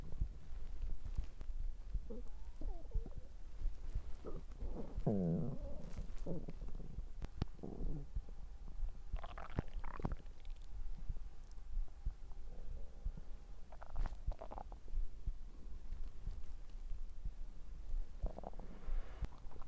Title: Happy Halloween 🎃👻Stomach growling ♪